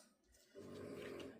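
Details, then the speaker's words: Small pet dog snoring while relaxing in a quiet kitchen: a single rough, rattling snore after a brief quiet pause. "You can probably hear my little dog back here snoring. It's what she does, you know."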